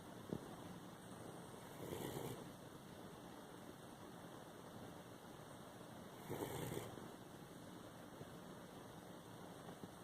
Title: A Minute Of A Snoring Dog